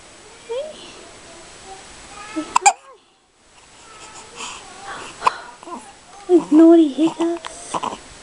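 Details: Newborn baby boy, 5 days old, wide awake after a big feed, with hiccups: short, sharp hiccup catches amid babbling and fussing, with adult talk nearby.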